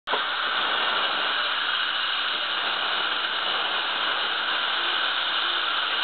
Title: Guided implant surgery - 4.3 mm drill